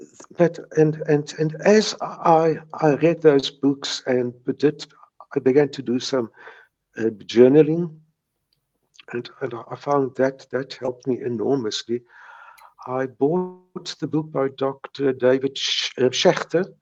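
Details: Stuttering in a man in his 70s who has stuttered since age three; he says he still has mild speech blocks.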